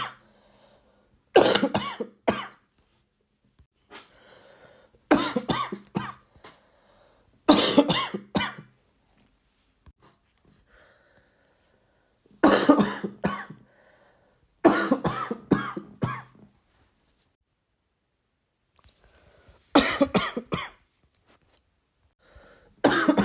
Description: a little coughing compilation of my recent cold :)